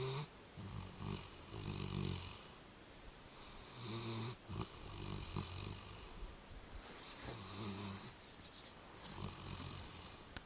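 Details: Snoring from a sleeping dog: repeated low, vibrating snores with hissy breaths between, about six breaths in ten seconds, in a quiet room.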